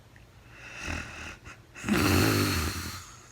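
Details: Woman snoring while asleep, recorded in real time during a night's sleep after she was very tired: a loud, rough snore, a brief pause, then a longer snorting snore.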